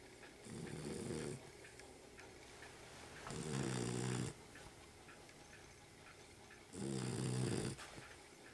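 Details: Dog snoring loudly: three loud, low snoring breaths about every three seconds, each rattling and snorting, over steady room noise; snoring.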